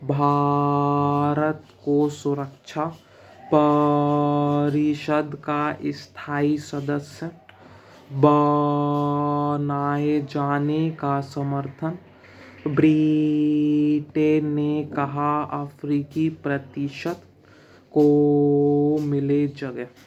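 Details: Man who says he has almost overcome his own stammering reads Hindi newspaper aloud slowly, pausing for a mouth breath every three to four words and stretching the first letter; stuttering fluency-shaping technique (prolonged onsets with paced pauses).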